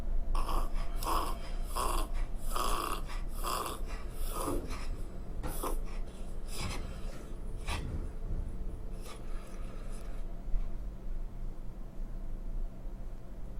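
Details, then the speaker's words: A dog gives a rapid run of harsh, honking coughs, described by a veterinarian as a goose-honk dry cough from narrowing of the trachea and bronchi. "그다음에 이제이 소위 말하는 거위 기침 거위 울음소리 같은 기침을 하는 경 도 있는데요 들어보시겠습니다 자 또 거유 기침에 대해서 한번 들어볼까요 요 경우는 좀 더 거위 같은 소리가 나지요"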